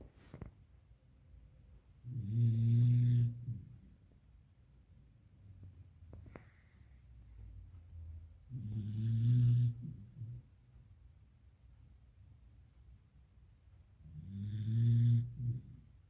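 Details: Beagle puppy in deep sleep, snoring loudly: low rumbling snores on each in-breath, about 9 a minute, with quiet breathing between.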